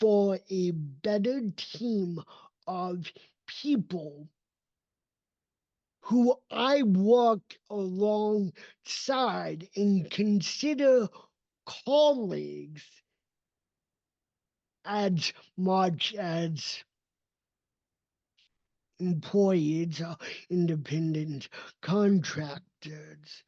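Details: Dysarthria in an adult man with cerebral palsy; his speech did not develop until age seven, after extensive speech therapy, and he still trains it constantly.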